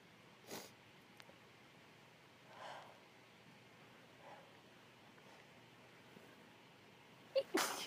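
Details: Cold sneezes, possibly female (F): several soft, stifled sneezes and sniffles, then a sharper sneeze, part of a long series of 20+ sneezes.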